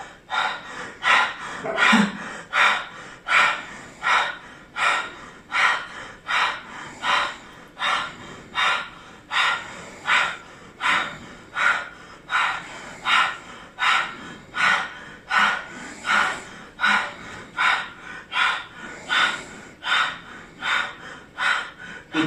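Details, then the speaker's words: Normal lung auscultation, patient asked to breathe as if tired: quick, steady, airy open-mouth breaths repeated evenly, normal breath sounds with deep mouth breathing. "juntamos al paciente y le decimos que respire como cansado respiró por"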